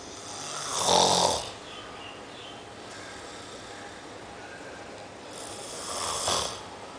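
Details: A man snoring loudly during a power nap.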